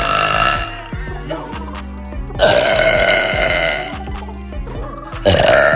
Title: Girl Burps